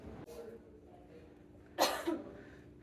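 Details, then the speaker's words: Simulated asthma attack in a dental-chair role-play by an asthmatic patient who uses an inhaler: a single acted cough burst with a brief follow-on. "What's going on? >> My patient's having an asthma attack right now."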